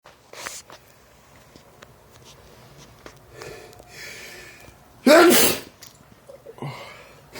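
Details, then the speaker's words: Quiet breathing and small sounds, then one loud explosive sneeze and soft breaths, from an adult who sneezes 5–50 times daily since 2011, with doctor-diagnosed allergies to dust, pollen and trees. "That's your daily sneeze. Whew."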